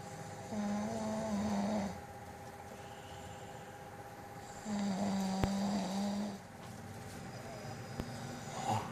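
Two steady, buzzing snores on breathing in, about 15 breaths a minute, with a quiet hum in the background. Snoring.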